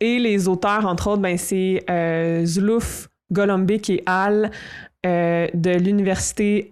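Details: Adult French-speaking woman who stutters and reports experiencing dissociation while stuttering, still ongoing; stuttering.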